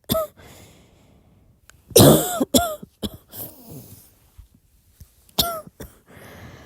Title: my annoying dry cough #cough #coughinggirl #sickgirl #coughcompilation #drycough